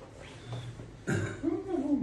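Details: During a manual therapy session for a painful, inflamed shoulder, a single short cough bursts out over quiet room sound, followed by brief voiced sounds; a plain cough.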